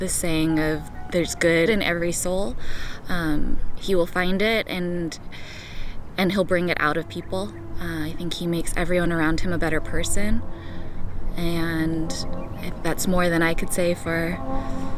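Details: Adult woman speaking; typical speech.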